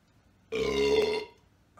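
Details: Burp collection: one steady, low, voiced burp lasting under a second.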